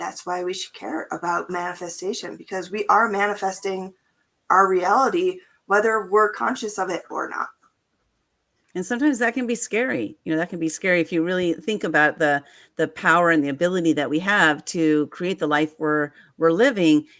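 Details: Adult speaker; normal voice.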